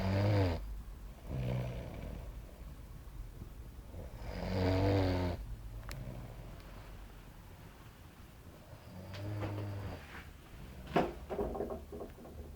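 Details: Man asleep on the sofa after a hard day at work, who claims he doesn't snore: loud, low, rattling snores on each breath, about 13 breaths a minute, slightly irregular; snoring.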